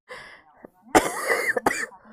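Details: Girl with a very bad cold, voice gone and sore throat, on a live stream: a short wet, hoarse burst of about three coughs with throat clearing, after a brief voiced sound.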